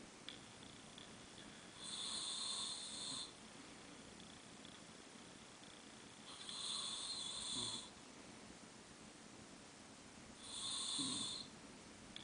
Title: Charley Snores